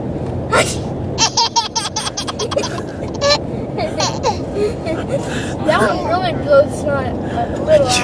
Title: baby laughs at sneezing brother